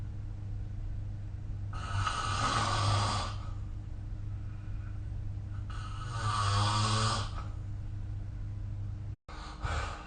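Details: Ordinary sleep snoring recorded with the SnoreLab app: two long, harsh rattling snores about four seconds apart over steady low room hum, a third beginning at the end.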